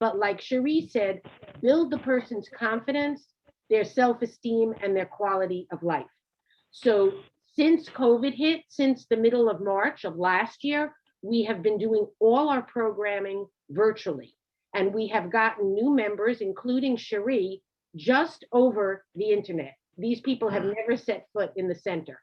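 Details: Adult woman speaking; normal speech.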